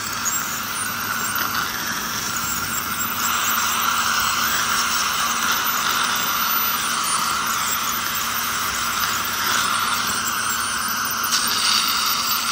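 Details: Ultrasonic dental scaler during tooth scaling to remove heavy tartar: high-pitched whine and squeal over a hiss of water spray.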